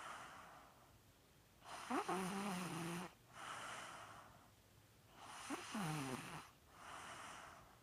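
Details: Snoring at night: soft snores with a snorting, whistly edge on inbreaths and quieter rushing outbreaths, about 17 breaths a minute.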